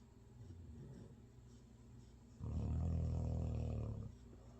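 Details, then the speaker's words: Two sleepers both snoring; snoring. "They're both snoring, they're both dreaming."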